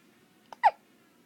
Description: I never knew baby hiccups were so adorable.